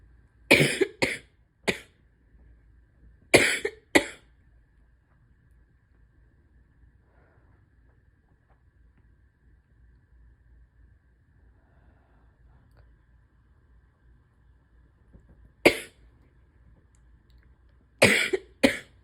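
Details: Wet, chesty cough in a person with asthma, spring allergies and chronic bronchitis, likely during an acute illness: three bursts, about eight loose, congested coughs in all, with quiet gaps between bursts.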